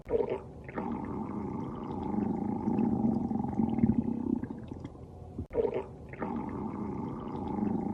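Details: Long, low gurgling abdominal rumbles recorded while a person sleeps: stomach growling (borborygmi).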